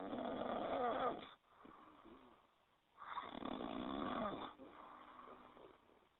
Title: Polar Bear Snoring